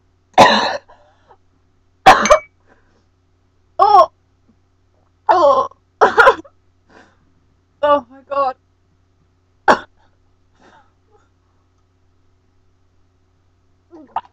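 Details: Cinnamon challenge coughing fit after inhaling cinnamon powder: repeated harsh, irritated coughing bursts with throat clearing, about eight episodes over fourteen seconds.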